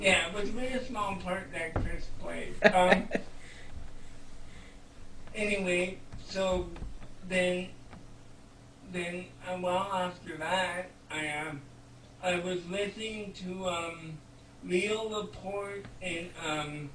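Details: Speech of an adult man with cerebral palsy; no specific speech disorder is named.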